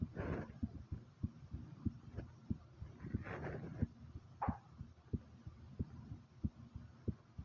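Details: Own heartbeat recorded starting slow then rising: regular low heart thumps, roughly 90 a minute, with a few brief rustling noises; normal heartbeat.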